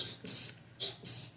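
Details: Adult sneezing in a room while eating a meal, two quick sharp hissing bursts close together, followed by "salud".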